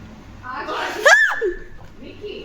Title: My dad sneezes as loud as he can! 😭